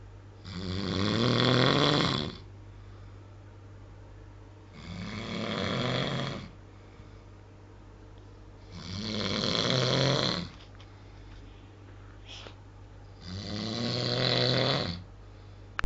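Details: Real recording of a man snoring at night: four long, loud, rattling snores, about 14 a minute, with a steady low hum in the background; snoring.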